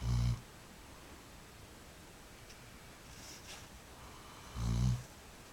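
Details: Two deep, rumbling snores about four and a half seconds apart, with quiet breathing in between; snoring.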